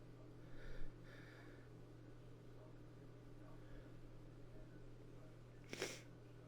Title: itchy sneezes